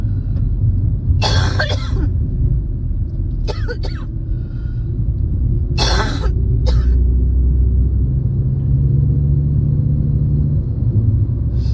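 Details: Coughing fits during a spring cold, recorded while driving at night: several bursts of coughing, some in quick runs, over the steady rumble of the moving car.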